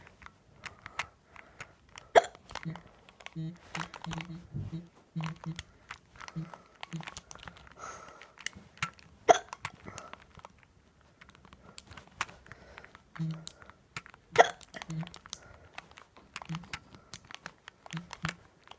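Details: Repeated brief abrupt hiccups, about twelve a minute and irregular, amid quiet clicking and video game noise; ordinary hiccups.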